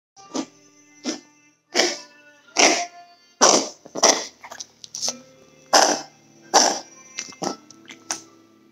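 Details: Dog with a run of about ten harsh, dry cough bursts in quick succession; faint background music.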